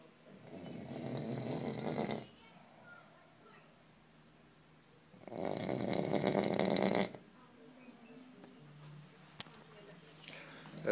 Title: Doomsday snoring